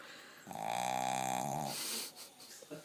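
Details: Blind dog snoring while napping, said to snore louder than a man: one long, buzzy, voiced snore-like intake lasting about a second, then a breathy exhale and quiet room noise.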